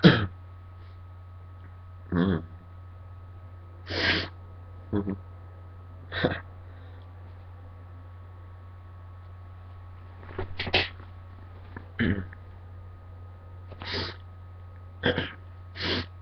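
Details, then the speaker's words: Person who just woke up congested, sneezing provoked with Q-tips in the nose: about ten sharp sneezes in a row, some doubled, the later ones cough-like, over a steady background hum; repeated provoked sneezing. "i think that was three sneezes in a row but the last one yeah they sounded like coughs at the end was really weird"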